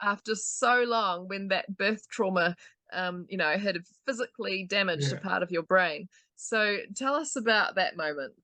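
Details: Adult interviewer; typical speech.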